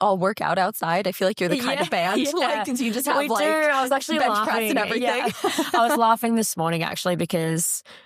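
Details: Adult speaker; normal voice.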